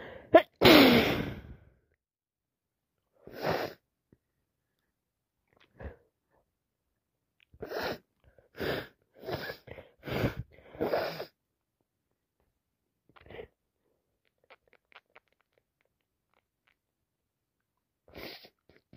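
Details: Repeated sneezing during a cold: a loud sneeze followed by a run of quick sniffs and smaller sneezy bursts, with lots of sniffing.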